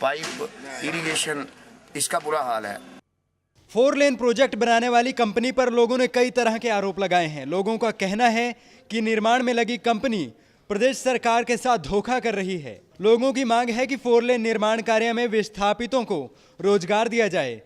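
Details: Adult male news narrator; normal speech.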